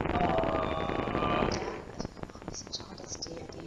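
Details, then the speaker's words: Laryngeal EMG with a three-channel device, needle inserted toward the vocal fold (started on the working side in unilateral vocal fold paralysis): dense crackling static, then quieter background hiss with scattered sharp clicks from needle insertion activity. "and what you have heard here is just listen to the background noise listen to the insertion activity"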